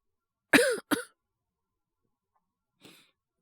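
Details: Acted cough by a male Japanese voice actor (VTuber) playing a sick younger club member with a cold: two quick voiced cough bursts and a faint breath; simulated cough voice, all performance.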